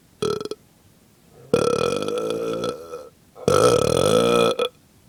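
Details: Three loud, throaty voiced burps after a small bloat, the last two long and drawn out, in a quiet room; burping.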